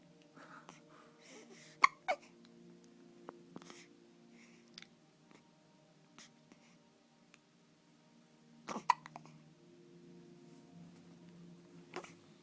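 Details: Hiccups in a quiet room: a few sharp, abrupt gulping clicks, in two close pairs about seven seconds apart.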